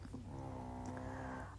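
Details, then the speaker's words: Sleeping Chihuahua gives one drawn-out, buzzing, steady-pitched breath with a low rumble underneath, very loud in the background; snoring. "if you are familiar with my channel you will recognize that sound in the background as my chihuahua asleep and snoring very loud loudly"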